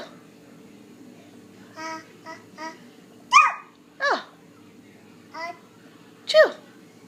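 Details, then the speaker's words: Baby lying on the floor, seemingly tired after running around outside for an hour: soft babbling broken by three tiny, sharp sneezes with brief voiced tails; sneezing. "Yeah, it's a sneeze. Oh, such a cute sneeze. Bless you. Oh, that's a silly sneeze. Are you tired? Is that why you're laying on the floor sneezing? Cutest little sneeze."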